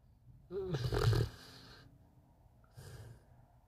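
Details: Puppy snoring and dreaming in deep sleep: rhythmic snoring breaths.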